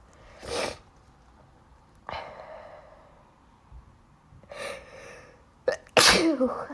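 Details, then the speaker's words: A person with an allergy-driven sneezing fit after a cold that has now cleared, suspecting the cat is the cause; several sneezes with quick inhalations before them, a loud final sneeze, one of them wet. "oh that was a wet one sorry and I'm sneezing because of allergies"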